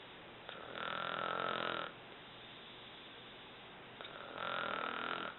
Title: Snoring Mom Part 1